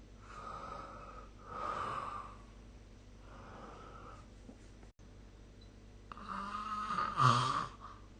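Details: Repeated rough, rattling snoring breaths during sleep with a louder snort near the end, in a quiet room, recorded with the SnoreLab phone app.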